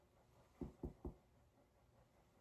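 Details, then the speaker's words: Thorax and lung examination of a male patient: percussion of the anterior chest and the mid-axillary line in a ladder pattern gives resonant notes throughout, with no dullness or hyperresonance. "i hear that that all his lung sounds are resonant i don't hear any dullness or hyper resonance"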